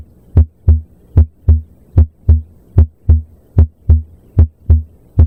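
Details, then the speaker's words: Stethoscope at the left lower sternal border, then aortic, pulmonic, tricuspid and mitral areas: crisp S1 and clean S2 at about 75 a minute, no murmurs or extra sounds; normal heart sounds. "You hear a crisp S1 followed by a clean S2. No murmurss, no extra sounds, just a calm, healthy rhythm."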